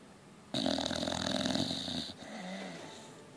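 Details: Sleeping flat out: one loud, rough, rattling snore lasting about a second and a half, then a quieter breath out; snoring.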